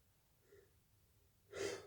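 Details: Quiet breathing, then a single short, explosive sneeze from a person whose nose tickles a lot today; itchy sneezing.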